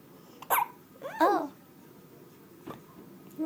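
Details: Infant's first hiccups: brief, sharp hiccup sounds alongside soft baby vocal sounds in a quiet room.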